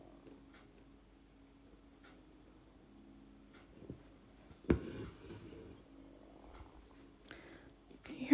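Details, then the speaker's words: Adult's stomach growling, making repeated noises; speaker says a snack is needed; borborygmi. "stomach growling again it's like making all these noises clearly i need a snack"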